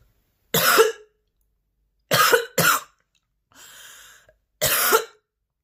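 Four harsh, forceful cough bursts, two in quick succession, with a breathy inhalation between; a persistent coughing fit.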